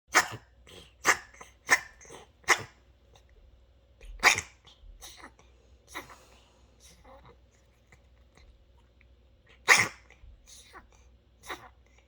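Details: A senior rescue cat with chronic ear and nose problems from untreated mites and infections, recorded for her veterinarian: a series of short, sharp, harsh coughs in quick bursts, then a few spaced out; cat coughing.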